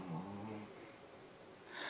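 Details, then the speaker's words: Pet lying fast asleep under a chair: a single low, rumbling snore followed by a soft breathy exhale in a quiet room; snoring. "if you all can hear that um that's sammy snoring he's laying underneath my chair fast asleep"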